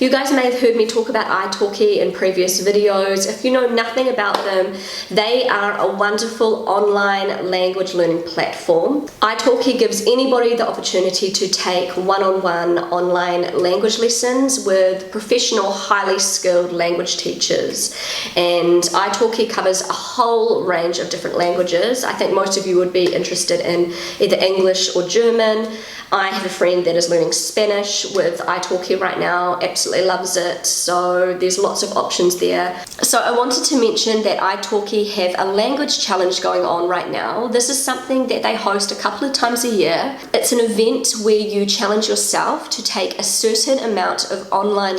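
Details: Pregnant woman with a habitually croaky, crackly voice that she says worsens whenever she is pregnant, blaming the pregnancy; she is also slightly out of breath; vocal fry (creaky voice).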